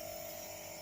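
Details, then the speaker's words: Steady mechanical hum with an airy hiss from a running nebulizer steam machine, given to a child with cough and chest congestion as a five-day course the doctor prescribed; the child holds the mask on calmly. "आवाज येतोय ना मशीनचा तुम्हाला हे बघा हे machine चालू आहे मशीन चालू आहे पण याचं काम चालू आहे बघा"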